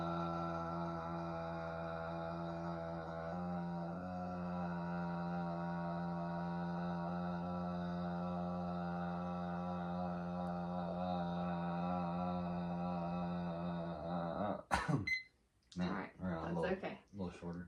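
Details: Male patient in a bedside swallow evaluation for occasional acid reflux; third sustained 'ah' trial lasting 16 seconds, average slightly below typical for his age but not concerning, with good breath support and a fairly steady voice; maximum phonation time task.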